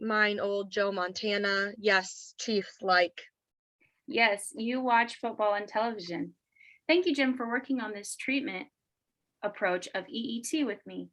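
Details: Adult woman speaking; ordinary speech.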